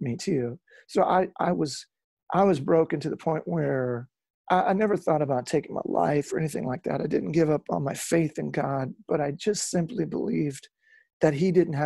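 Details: Real adult male lead singer with incurable spasmodic dysphonia that began at the height of his musical career and was first mistaken for hoarseness; he still struggles with it, and he says it is audible in his speech. Spasmodic dysphonia.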